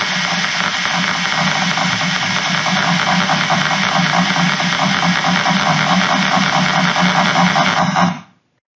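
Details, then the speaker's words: Microelectrode recording of a subthalamic nucleus tremor cell during deep brain stimulation surgery for movement disorders: dense crackling neural discharge with rhythmic bursts roughly two to three times a second. "and we also see Tremor cells so here's a high frequency cell [Applause] and here's a Tremor"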